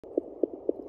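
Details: Fetal Doppler on a pregnant Yorkie at day 49: rapid, regular whooshing pulses over a steady Doppler hum, a fetal puppy heartbeat at about 230 a minute.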